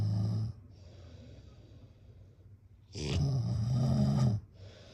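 Two deep, rumbling snores, one short and one long, separated by quiet breathing. Typical sleep snoring.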